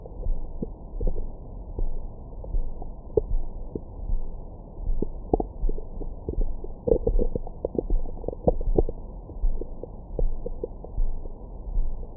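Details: Abdomen recorded with a Stemoscope stethoscope microphone after a large meal: frequent gurgles, pops and short squeaky rumbles, active normal bowel sounds.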